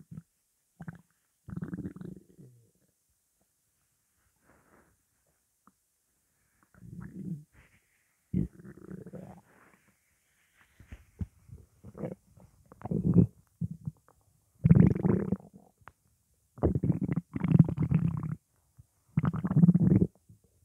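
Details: Low gurgling rumbles come in bursts with quiet gaps between; ordinary stomach growling from morning hunger.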